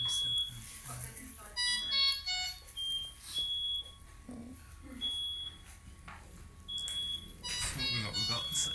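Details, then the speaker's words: Delivery room, preterm baby about 26 minutes after birth, just handed to mother for cuddle: repeated high-pitched electronic patient monitor beeps with steady tone, quiet voices and music behind. "i'll apologize in advance for the beats of the monitors it's something you only realize is going on in retrospect but if you can try and hear through the beeps"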